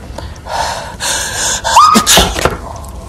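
A sharp indrawn breath followed by an explosive burst and a short trailing exhale: an acted sneeze from a television drama.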